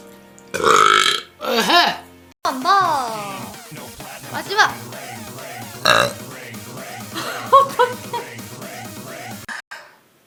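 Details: Korean streamer burp compilation: several loud, drawn-out voiced belches, some long and rumbling, with background music and room noise.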